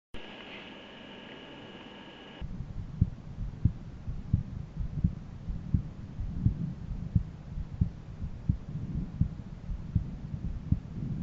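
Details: Person's own heart auscultated with a stethoscope at different valve areas: soft regular heartbeats about 80 a minute after a brief hum, with steady background noise.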